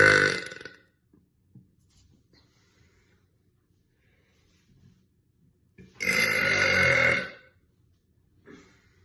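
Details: Adult woman burping: two loud burps, one brief and one long and rumbling, separated by quiet.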